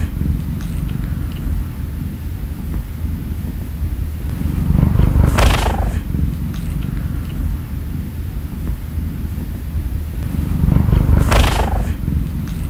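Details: Jingjing, a sleepy male cat lying under the covers beside his owner before sleep, makes a steady low rumbling purr that swells with each breath, showing he is happy and content.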